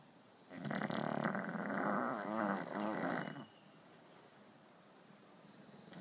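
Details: Australian Bulldog snoring while resting after a tiring day: one long, loud, fluttering snore about three seconds long with rattling vibration through the breath, typical of a short-nosed dog.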